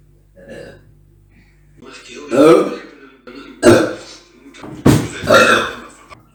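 About four loud, throaty belches in a row, separated by short pauses. These are repeated burps.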